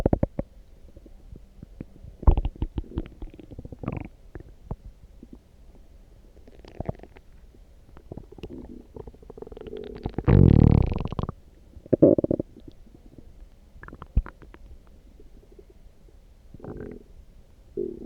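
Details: Loud stomach growling (borborygmi) after drinking coffee: irregular gurgling and a long rumbling growl from the abdomen.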